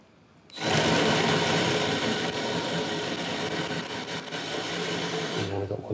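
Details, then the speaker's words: Hip replacement demonstration: a power reamer, likened to a cheese grater, removes the remaining bad cartilage from the hip socket while sparing the strong subchondral bone. Loud grinding, rasping power-tool noise. "we have to take the remaining bad cartilage off the hip joint and we do that with power tools and orthopedic surgeons love power tools"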